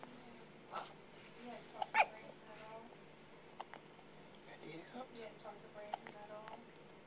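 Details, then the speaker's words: Baby boy with hiccups before feeding: soft, brief catches of breath a few seconds apart over quiet room noise. "Let's go see if we can get rid of the hiccups so you can eat."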